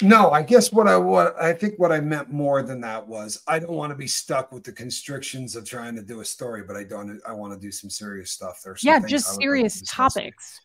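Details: Adult speaker in conversation; Typical speech.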